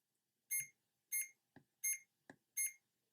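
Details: CADD Legacy PCA infusion pump: four short high beeps interleaved with soft keypad clicks as entries are confirmed with the arrow and Enter keys while the prescribed continuous infusion rate is programmed.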